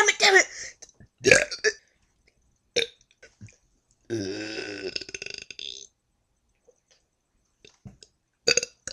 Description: lol my bestie doin burps :)